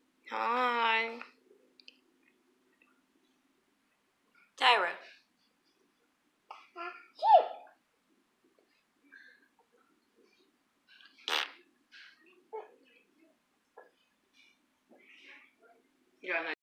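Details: Baby sneezing: a short vocal sound from the baby, then a few sharp sneeze bursts between soft adult voices in a quiet room; infant sneezing.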